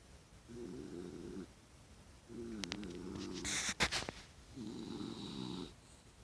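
Three rattling snore sounds about a second each, with a brief rustle of movement between them; dog snoring in sleep.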